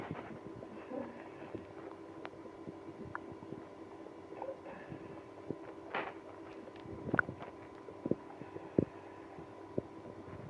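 Faint gurgles and short squelching rumbles over a steady low hum. Active bowel sounds, or stomach growling.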